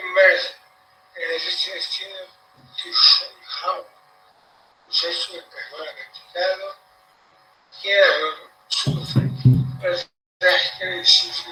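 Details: Recorded cerebellar patient's speech played as a teaching example: scanning speech, a cerebellar dysarthria with altered prosody caused by ataxia.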